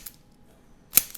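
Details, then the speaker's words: Chiropractic activator instrument used on the leg to cue the tibia inward in a man with bilateral plantar fasciitis: single sharp spring-loaded mechanical click with near silence around it; activator click. "Another thing we're going to use the activator just to send a quick impulse to the brain. And with a quick impulse, your brain it it it reads it differently than just tapping."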